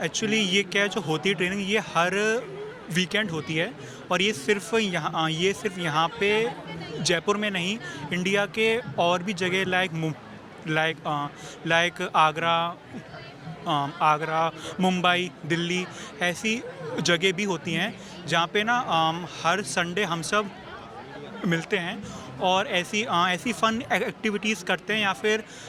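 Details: Young man who stammers, attending weekend training sessions for people who stammer, learning tools and techniques; word repetitions heard; stuttering.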